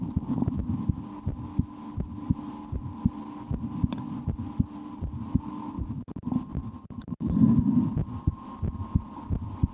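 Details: Heartbeat heard through a stethoscope on the chest of an adult, who holds her breath at times and tries to raise her heart rate: regular soft thumps, roughly 75 a minute, under a steady hum with rustle; normal heart sounds.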